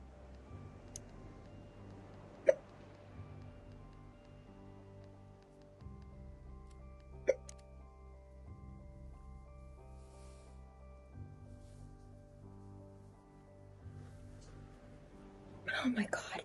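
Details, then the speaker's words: Two sharp, brief hiccup sounds about five seconds apart from a streamer during a livestream, over background music, then a short vocal burst at the end; hiccups. "if I could stop having hiccups that would be great"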